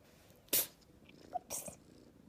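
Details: Rescue calico kitten, found at barely 2 months old, vocalizing and startled by her own sneezes: two sharp, hissing sneezes about a second apart with a tiny chirp between; sneeze.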